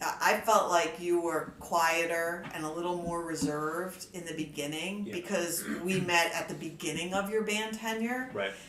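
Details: Adult woman speaking; typical speech.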